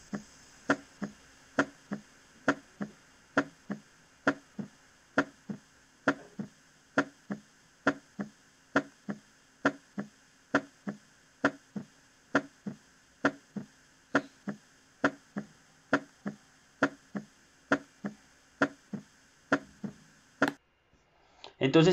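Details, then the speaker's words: Teaching audio of physiological splitting of S2: regular heart sounds near 70 a minute, with the second sound heard as two components at times and single at others, varying with the patient's breathing. "unos logran escuchar que hay momentos donde el s2 suena como dos componentes y en otros momentos donde el sello suena como un único componente"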